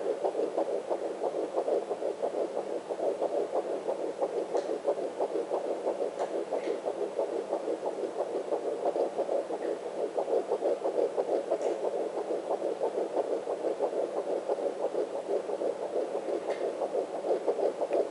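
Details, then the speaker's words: Fetal heartbeat on a home Sonotech Pro fetal Doppler, probe low on the mother's abdomen above the pubic bone: rapid, steady whooshing galloping beats at about 170 to 180 a minute. "Say he's usually in the 170s. So you can hear it's fast. Very distinct sound."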